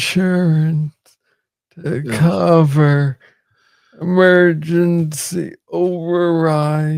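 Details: Adult man with Parkinson's disease, diagnosed in 2014 at about age 35 after it was first misread as tennis elbow; real conversational speech; slow speech in Parkinson's disease.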